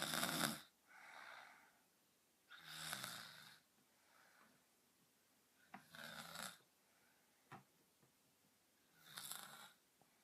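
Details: Rhythmic rattling snores on the in-breath from a sleeping girl, with quieter out-breaths between, roughly three breaths in ten seconds, in a quiet room; snoring.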